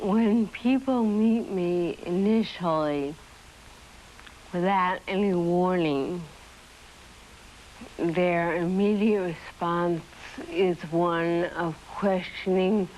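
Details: Adult woman with dystonia musculorum deformans for nearly 30 years since age 10, starting as writer's cramp and spreading to the whole body and speech; speech improved after surgery but dysarthria persists; 1982 film.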